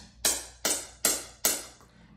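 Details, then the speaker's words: Four sharp, loud snapping pulses about 0.4 seconds apart, each fading quickly: a SoftWave acoustic shockwave therapy device firing in a chiropractic practice, used for chronic pain. "what this is is it's acoustic Shockwave therapy it looks and sounds like"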